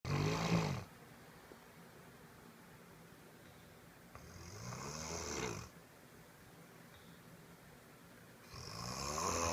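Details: Sleeping adult: three loud, rattling snores on in-breaths, about four seconds apart, with quiet gaps between: ordinary snoring.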